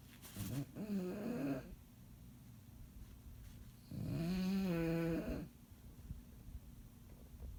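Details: Bulldog snoring while asleep after a long day: irregular snorting, whining snores with a loud drawn-out snore midway and low room hum.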